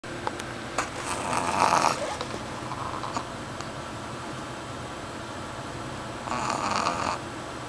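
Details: Pugshire dog snoring while asleep: two noisy, raspy breathing sounds a few seconds apart over steady room hum.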